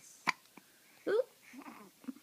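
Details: Little baby boy's short, abrupt hiccups with soft vocal noises between them in a quiet room.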